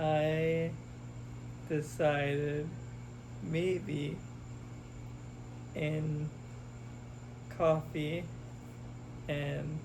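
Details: Expressive aphasia with oral apraxia and right-sided paralysis in a man who had a hemorrhagic stroke at 27, recorded after intensive speech therapy programs, trying to say what he does on the way home.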